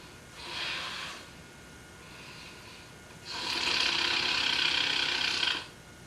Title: Big One Snoring